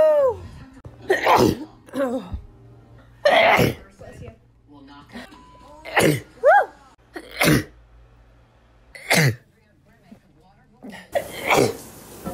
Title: 100 Miles per Hour (a sneeze compilation) Part 2